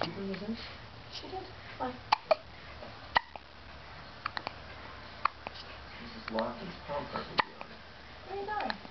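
Sharp, brief gulping catches recurring irregularly, about six in nine seconds, amid soft voice and room noise; hiccups.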